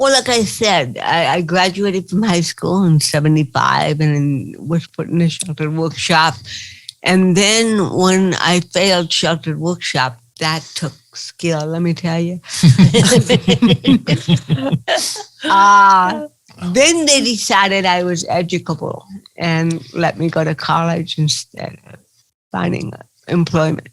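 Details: Adult woman with cerebral palsy, real (not acted), recounting her own life in an interview; dysarthria (cerebral palsy).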